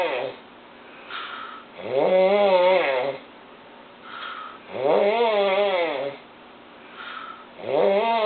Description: Loudest and scarry snorer ever! turn the volume up